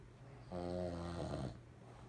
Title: My dad is snoring again😂